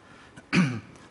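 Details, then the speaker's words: Adult male speaker with a hoarse voice, attributed to climate changes, before a seminar talk: a single short, rough throat clear in a quiet room. "Excuse my voice, I have a bit of a hoarse voice."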